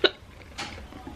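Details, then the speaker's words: Person who gets hiccups very easily when eating, here while eating fast: a single sharp, brief hiccup followed by a faint breathy noise. "okay yeah this happens to me every single time that's why i'm trying to eat it fast so i don't get the hiccups"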